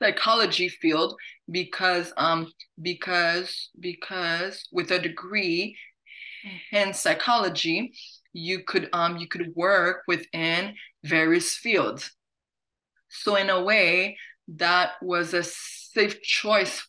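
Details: Adult woman who stutters, hosting a stuttering webinar in English, with audible word and phrase repetitions; stuttering.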